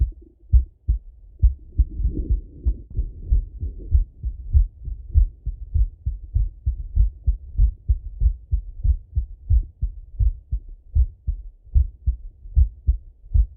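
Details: Male full heart auscultation through a stethoscope, recorded partly sitting at a desk and partly lying in bed: clear regular deep muffled lub-dub at roughly 95 beats a minute; normal heart sounds.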